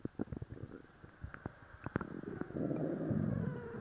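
Low gurgling and bubbling rumbles with a louder prolonged growl at the end; active bowel sounds after a laxative.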